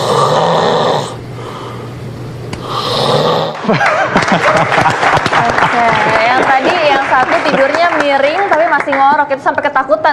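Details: Loud snoring.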